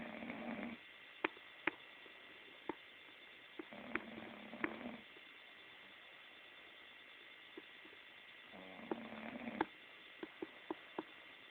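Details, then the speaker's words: Two loud, buzzing low-pitched snores, each about a second long, with quiet pauses and scattered clicks between, from a sleeping woman who snores very loudly; snoring. "It just keeps getting louder. I'm starting. I know. But you have to admit this is funny."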